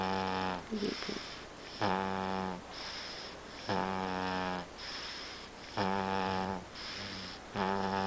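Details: Snoring: loud, regular tonal snores on each breath in, roughly 15 breaths a minute, with quieter breaths out between them; snoring.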